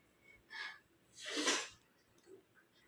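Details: Sneeze induced in a sneezing challenge by tickling the nose with a dry money-plant stem or rolled tissue: short in-breath, single loud explosive sneeze, then soft sniffing; induced sneeze.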